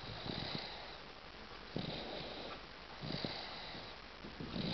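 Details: 8-month-old baby snoring during sleep: soft, noisy snoring sounds with each breath, roughly every 1.3 seconds, over steady room hiss.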